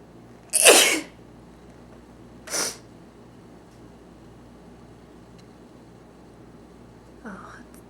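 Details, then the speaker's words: A person deliberately trying to sneeze while holding the eyes open: one loud, forceful sneeze followed by a smaller second sneeze in a quiet room, then a faint voice. "I had a lot of requests that wanted me to um see if I can make myself sneeze and keep my eyes open I'm not sure that I can do that but I'm going to try so here it goes"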